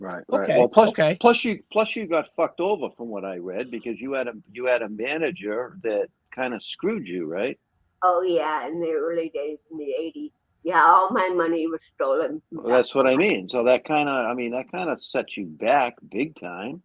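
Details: Two adults in conversation; normal conversational speech.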